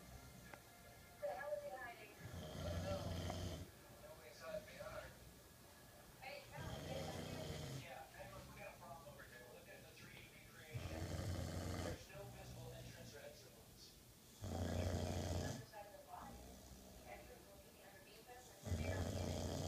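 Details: Boxer mix dog asleep: low, rumbling snores at regular intervals, with faint television sound in the background: snoring.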